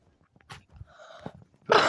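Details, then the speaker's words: Single sudden, loud, explosive cough cut off abruptly in a quiet room; the person says they cough and their voice sometimes gets hoarse, though not ill. "Of bu ne ya? öksürüyorum. Böyle bir sesim kısılıyor bazen. Hasta da değilim."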